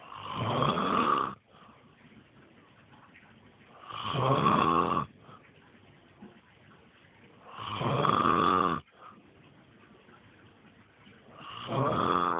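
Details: Adult man (father) sleeping on a trampoline, heavy snoring: loud, rough snores about every four seconds, roughly 16 a minute, with quiet breathing between them.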